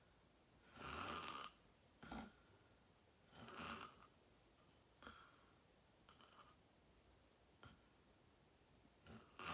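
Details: Real self-recorded sleep; person fell asleep fast, around 8:45, and slept deeply, reportedly REM. Harsh, rattling snores with quieter breaths between them in a quiet room. Loud snoring during sleep.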